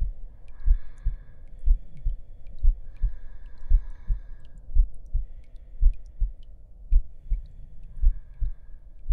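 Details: Heartbeat in an ASMR roleplay audio, soft regular low thumps at about 56 a minute with faint voices and rustling over them: a slow heartbeat.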